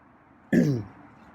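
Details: Feral male cat who sometimes coughs on first waking, likely just woken: a single short, harsh, throaty cough-like burst against quiet room noise.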